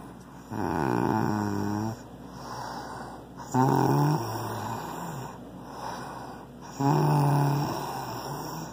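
Loud, rattling, fluttering snores on each inhalation, with quieter breaths between, about three cycles in nine seconds: heavy snoring.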